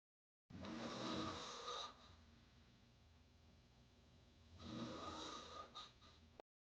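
Two loud, rough, rattling breaths in with a quieter pause between; heavy snoring from a sound-effect recording.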